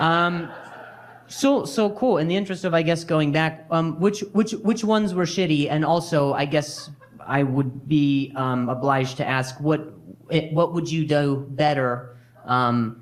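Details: Adult male stand-up comedian with stuttering, speaking on stage with word and phrase repetitions; he says noise and people talking near him make him stutter.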